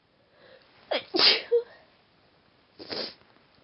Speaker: Hello, I'm gonna induce some sneezes.